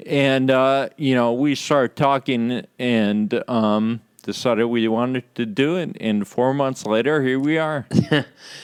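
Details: Adult man with Friedreich's ataxia, which causes slurred speech said to be audible in his talk; ataxic dysarthria due to Friedreich's ataxia.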